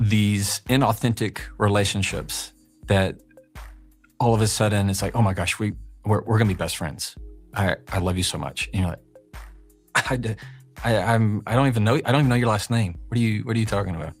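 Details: Adult male speaker; conversational speech.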